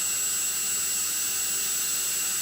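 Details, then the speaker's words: Inovadent dental cart high-speed handpiece run via foot pedal at about 20–25 psi while water is turned up for spray; steady high-pitched whine with rushing hiss, unbroken throughout. "now for adjusting our water on our high speed going turn that toggle go on stepping down the foot pedal and we'll just start turning the water up just a little bit"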